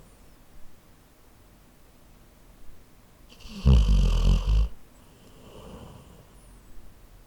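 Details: Labrador snoring while asleep, recorded on a Zoom H4n recorder: snoring.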